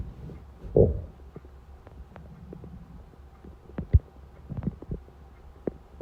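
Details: Hungry stomach at 4:30 am: low gurgling rumbles and scattered soft squelches from an empty stomach; normal hunger borborygmi.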